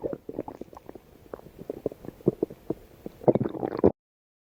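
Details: Pet's stomach growling (borborygmi): irregular bubbling, squelching gurgles fading in and out over about four seconds, ending in a louder burst.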